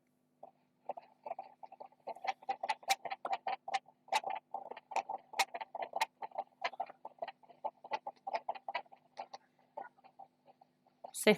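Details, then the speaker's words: Fetal heartbeat heard with a handheld Doppler (sonic) probe placed on the mother's abdomen: rapid whooshing pulses at about 140 per minute, a normal fetal heart rate. "ahí les voy a poner para que ustedes puedan escuchar también cómo vamos a sentir si estos latidos fetales"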